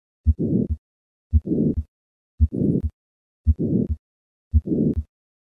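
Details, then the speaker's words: Patient with hypertrophic cardiomyopathy, heard at left sternal border, radiating widely; murmur decreases with hand grip maneuver: heartbeat about 56/min with harsh crescendo-decrescendo murmur between S1 and S2; systolic ejection murmur of hypertrophic cardiomyopathy. "the murmur of hypertrophic cardiomyopathy decreases with hand grip maneuver listen once again to a patient with hypertrophic cardiomyopathy"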